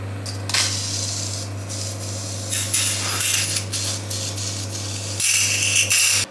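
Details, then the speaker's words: Steady hum with bursts of rough hissing and sucking as a suction tip clears the nose after rhinoplasty, following nasal packing removal and before cast removal. "Now I clean your nose with this suction. Okay. One second."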